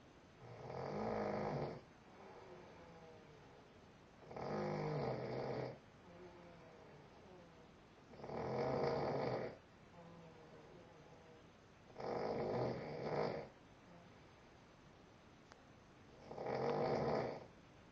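Five loud rattling snores on the in-breath, about 15 breaths a minute, with quieter breathing between them: snoring.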